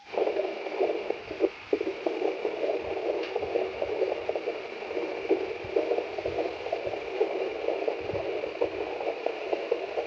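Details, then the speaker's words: Fetal heartbeat heard at home with a wireless Doppler paired to a mobile app, with the device showing a strong signal: fast, rhythmic whooshing pulses through the Doppler speaker. "this shows a strong signal and you will clearly hear the heartbeat of the baby"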